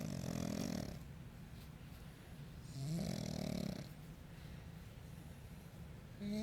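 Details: Pug falls asleep after a deep tissue massage: loud rattling snores on each breath, separated by quieter breathing; ordinary snoring.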